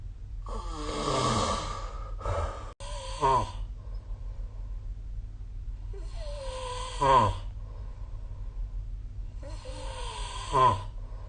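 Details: Three loud, rattling snores separated by quiet breathing during sleep, with a faint steady background hum; snoring.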